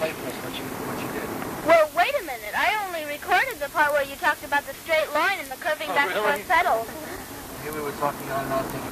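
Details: Adult speaker; no voice disorder.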